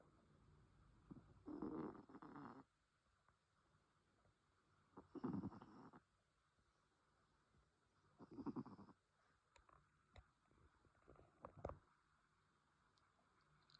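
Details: Three slow, soft, rattling snores about 3 seconds apart in a quiet room, with a few faint clicks near the end; snoring.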